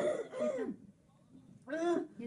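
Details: Female patient with laryngospasm attacks, recorded before trans-thyroid-membrane Botox injection: two strained, high-pitched voiced gasps with cough-like catches, separated by a brief pause, laryngospasm with stridor.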